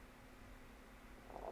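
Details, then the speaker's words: Adult woman's empty-stomach growling picked up by a sensitive Blue Yeti microphone while recording a voiceover; low, soft gurgling rumble with a brief louder swell at the end; stomach growling (borborygmi). "you guys hear the growling? It's actually picking up the growling of my stomach. Like, that's how sensitive this microphone is."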